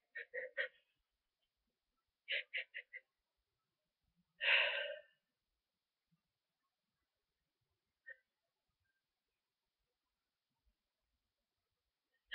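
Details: Adult with a cold, sneezier and stuffier after a long nap, with constant tickle, buildup and false starts: quiet, soft repeated sneezes in short clusters, then one longer burst, in a quiet room.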